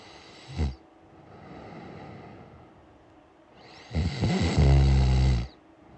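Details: A short snort, then a long, loud, deep, rumbling snore on the next breath; heavy snoring.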